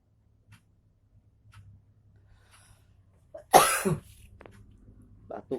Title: Cara edit menggandengkan fhoto,,,, maaf ada batuk batuk nya 😁😁